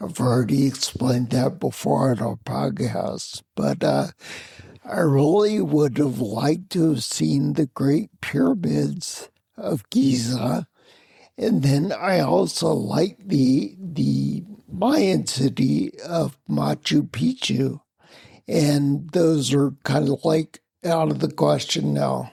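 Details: Adult man with spinocerebellar ataxia of unknown cause, slurred speech since around 1999, difficulty holding phone conversations; ataxic dysarthria (slurred speech) in spinocerebellar ataxia.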